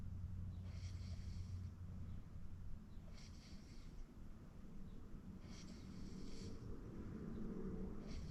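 Low rattling snores with breathy hiss, about one cycle every two to three seconds, over steady room noise; snoring during sleep.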